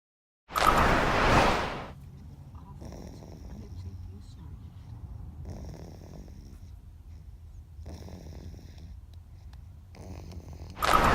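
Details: Snoring during sleep: slow, repeated, rough breathing noises, about four breaths over ten seconds, with louder bursts at the ends.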